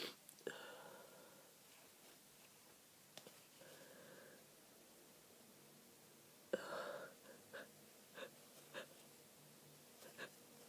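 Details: Stifled sneezing fit from a head cold, nearly nonstop for 30 minutes after waking, with stuffy, snotty nose: repeated muffled, held-in sneezes with sniffing and breathy catches between.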